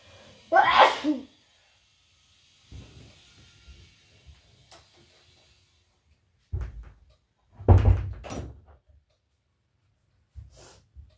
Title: Wet and snotty sneezes!